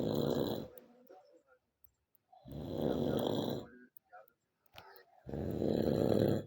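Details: Simulated snoring voiced for a comedy animation: three long, rough, rattling snores with quiet pauses between them, among snorts and groaning; imitation of loud snoring.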